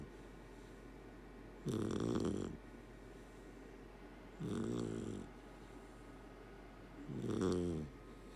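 Three loud, rattling snores on breathing in, about one every 2.7 seconds, with quiet between; ordinary snoring in a sleeping puppy.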